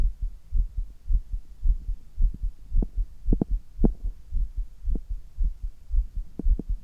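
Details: Strong, regular, fast heartbeat about 110 per minute, forceful, recorded from an adult right after handstand push-ups, after a resting baseline; exertion-raised heart sounds.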